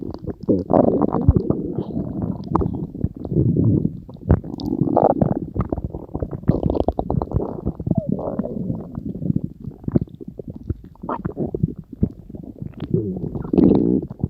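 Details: Stomach growling (borborygmi): long, gurgling, rumbling bowel sounds with bubbling and squeaky runs as gas and fluid move through the gut.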